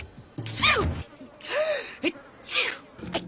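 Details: Sneezing from the cartoon character Gwen, possibly from allergies: three sharp sneezes in quick succession, each with a gasping intake before it, over soft background music.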